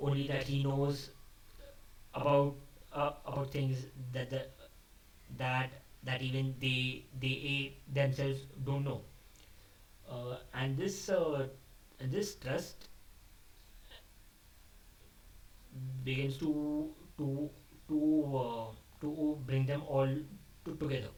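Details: Adult male who describes himself as a stammerer, speaking off the cuff after abandoning a script, which he says increased his stammering; stuttering.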